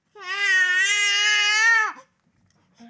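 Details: A single sustained infant cry wail lasting almost two seconds, with a falling tail at the end; baby crying.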